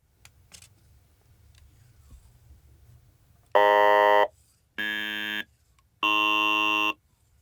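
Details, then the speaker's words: Electrolarynx sounding through vocal-tract model VTM-S20, outer tube with movable inner constriction: three steady buzzy robotic tones, each a different vowel depending on constriction location. "thus you can see that different vowels are produced depending on the location of the constriction"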